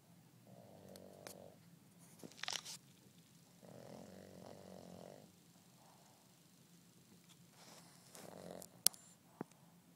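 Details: 8-month-old Boston terrier puppy snoring during a nap: soft, fluttering snores and snorts from a short-nosed dog, with a few clicks in a quiet room.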